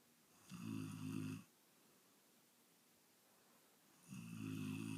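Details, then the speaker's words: A man sleeping gives two deep, buzzing snores about three and a half seconds apart in a quiet room, with regular breaths; loud snoring. "ये हैं साहब खर्राटे लेते हुए।"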